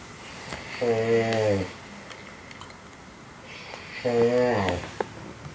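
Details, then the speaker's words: Snoring from an adult male friend, recorded around 6:45 am in a small room: two loud, low, buzzing rattles on the in-breath about three seconds apart, with quiet breathing between. "I'm awake because of some serious snoring going on. I'm not going to say who this is. I've never been able not to sleep because of some snoring."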